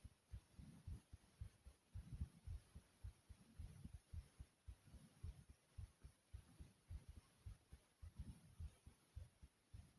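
Steady low thumping heartbeat, about 110 a minute, with a faint hum behind it.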